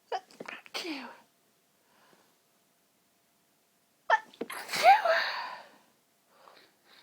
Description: pinched stifles with long build ups after having an incredibly tickly nose